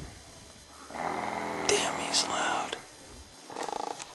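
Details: Rough, rattling breaths on drawing in, one long snore followed by a shorter fluttering one; snoring.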